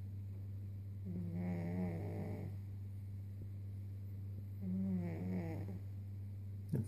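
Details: A sleeping cat giving two soft, buzzy snoring breaths over a steady low electrical hum; snoring.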